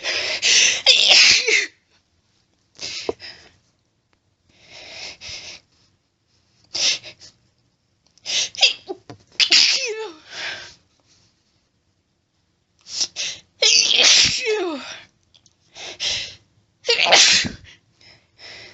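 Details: Female with itchy nose, off allergy medication, attempting to hold back sneezes: run of about ten sharp, explosive sneezes, some stifled, with catching breaths between; sneezing fit.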